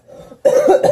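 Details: A coughing fit during a card game: two quick, forceful cough bursts after a moment of quiet.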